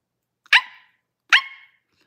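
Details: Girl with Tourette syndrome during a livestream Q&A: two sharp, high-pitched bark-like yelps about a second apart, which she calls her high-pitched bark tic; an involuntary vocal tic.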